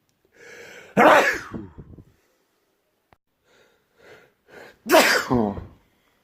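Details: Two loud, explosive sneezes, each preceded by an audible in-breath; forceful ordinary sneezing.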